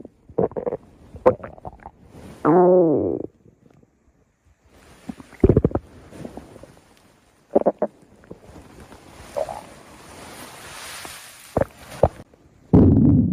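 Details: Stomach growling (borborygmi): irregular gurgles, pops and a longer rising growl from the belly, from gas and fluid moving through the gut.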